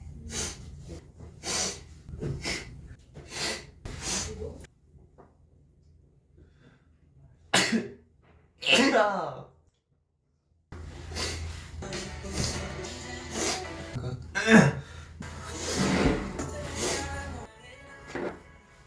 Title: Ex-Wanna One/Cix sniffle, throat clear, and sneeze(2)